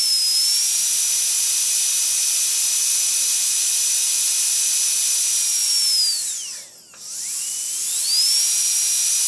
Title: Dentist Drill - Sound Effects - For Youtube Videos - No#1SoundFX